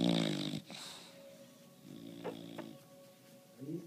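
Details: Bulldog snoring very loudly: rough fluttering snorts on each breath with a faint steady hum behind, typical of a flat-faced dog.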